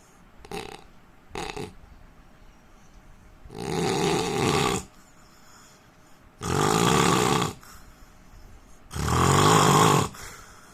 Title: Indian man snoring sound